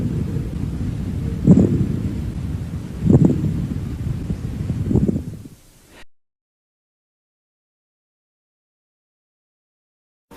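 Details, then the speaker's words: Pleural friction rub on chest auscultation: superficial, harsh, creaking grating sounds in both inspiration and expiration, not cleared by coughing, found at zones of maximal expansion, the anterior-inferior region. "Rose pleural sonidos superficiales crujientes o ásperos que se escuchan tanto en la inspiración como en la expiración no desaparecen con la tos se localizan en las zonas de máxima expansión región anter inferior y"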